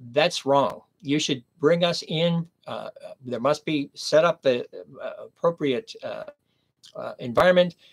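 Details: Adult man with aphasia after a stroke at age 59, nearly 11 years earlier, speaking in the later recovery period; aphasia.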